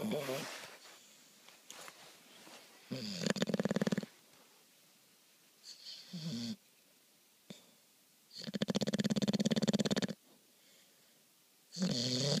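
Loud, rough, rattling snores in long drawn breaths, with quieter pauses between, from a sleeping bulldog.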